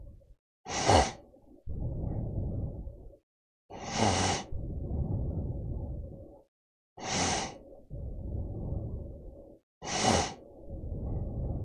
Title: Snoring (no ads)